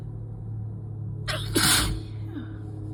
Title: 1/12/23, itchy and messy sickie/allergy sneezing fit